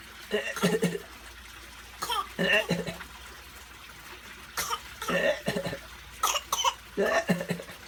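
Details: A child gives short, deliberate fake coughs in small clusters while with his grandfather; a voluntary cough, not illness.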